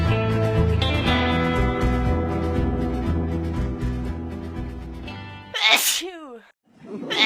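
Guitar music plays, then stops abruptly for a single loud sneeze: a sharp burst followed by a voiced, falling 'choo'. An ordinary sneeze.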